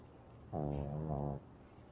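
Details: Single low, voiced, rumbling snore under a second over quiet background, possibly while dreaming; snoring.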